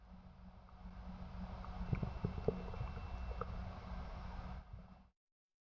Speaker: hypoactive bowel sounds are diminished or absent and occur after abdominal surgery or with peritoneal inflammation they sound like this